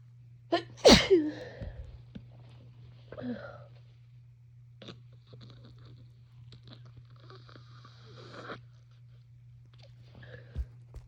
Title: Itchy snotty cold sneezes